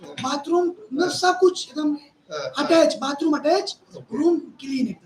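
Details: Adult man speaking Hindi, voice problem since childhood; surgery advised elsewhere, instead after 4 days of voice therapy exercises, reports improved voice; puberphonia.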